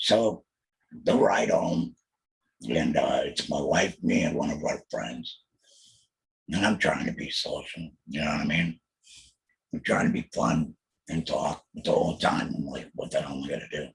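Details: Alaryngeal (substitute) speech from a male laryngectomee after a 2020 total laryngectomy for laryngeal squamous cell carcinoma, followed by chemotherapy and radiation; he mentions using an electrolarynx.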